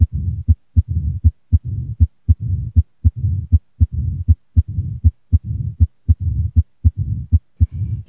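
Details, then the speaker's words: Bell of stethoscope at fifth left intercostal space, midclavicular line: regular heartbeat about 79 per minute with a low-frequency diastolic rumble filling the pauses, loudest early and late diastole; mitral stenosis murmur. "murmur due to mitro stenosis characteristically sounds like a low frequency [clears throat] diastolic rumble with greatest intensity during early and late diastily. The presence of this murmur suggests a structural abnormality of the mitro valve apparatus."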